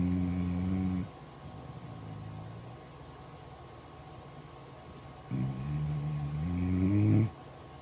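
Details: Sleeping dog gives deep, rumbling, human-like snores, two loud ones separated by a quieter breath and pause; ordinary snoring.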